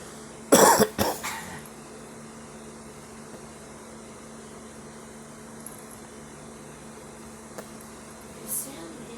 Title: girl smoking and coughing